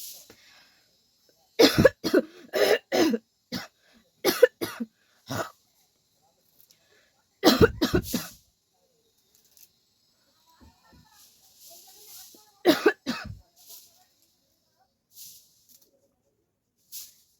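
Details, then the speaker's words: Several bursts of rapid, deliberate dry coughs with pauses between, performed for a coughing challenge by a person sweating in hot weather with the fan off; voluntary cough. "गर्मी है यार guys खासी हो रहा है उसके साथ जो है मुझे पसीना भी बहुत आ रहा है"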